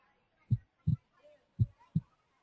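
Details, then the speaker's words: Simulated normal resting heartbeat heard through a heartbeat-counting stethoscope on a child's chest: soft, regular lub-dub thumps at about 55 beats a minute, counted before the child jumps up and down. "So, with this heartbeat counting stethoscope, I will now count heartbeats."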